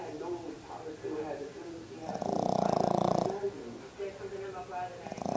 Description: 5month Boston terrier snoring funny puppy